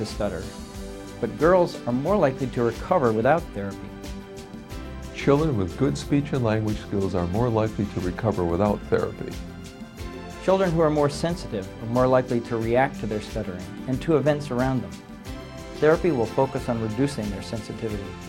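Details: Adult male narrator; normal fluent speech.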